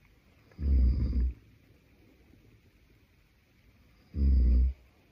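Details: Adult man (boyfriend) asleep, giving two deep, rumbling snores about three and a half seconds apart over quiet room noise.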